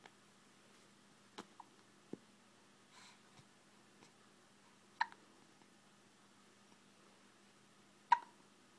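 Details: Baby with hiccups: several sharp, brief hiccup sounds at uneven intervals in a quiet room with a faint steady hum.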